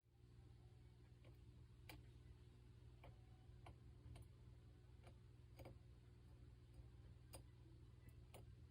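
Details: Goldfish grinding its pharyngeal (throat) teeth, not chewing, even with no feeding at 2-3 a.m.: sharp irregular clicks over steady aquarium hum, smartphone microphone, volume boosted to 140%.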